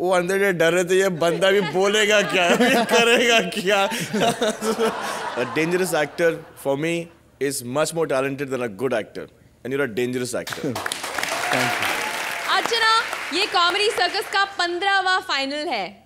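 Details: Adult man speaking on a stage; normal fluent speech.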